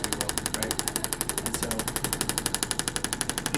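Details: Radial shockwave handpiece (Intelect RPW 2) used on a patient's soft tissue along lines of tension and trigger points, intensity aimed at 4–6 out of 10: rapid steady tapping, about four pulses a second, from an internal magnet striking metal, not the skin directly.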